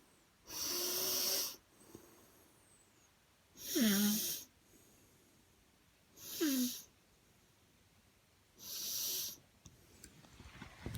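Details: Snoring in a 15-year-old boy (5 ft 10 in, 156 lb): four loud, noisy snoring breaths about seven seconds apart, some with a squeaky, whistling edge, separated by quiet pauses.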